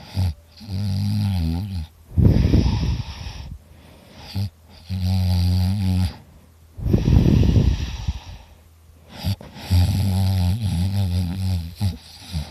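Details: Person recording their own heavy snoring while very tired: loud, deep rattling snores on each in-breath, separated by noisy out-breaths, about five breaths a minute.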